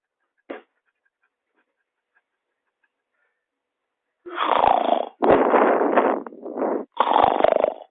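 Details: Heavy snoring in sleep: loud, rough, rattling snores in long bursts after a quiet stretch.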